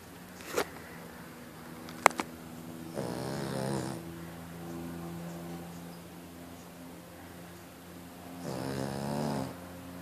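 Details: Snoring during a daytime nap: two loud rasping snores about five seconds apart, with a few clicks and a steady low room hum.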